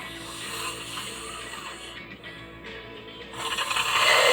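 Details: Harsh, rattling snoring from a sleeping adult crane operator/rigger, partly masked by background music.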